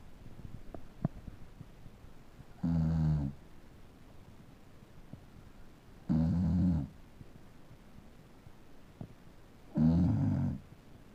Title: Snoring Beagle